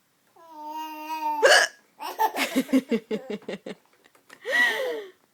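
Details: Adult mother's hiccups: a sharp hiccup breaking into a drawn-out voiced sound, followed by her baby's run of laughter and another vocal burst.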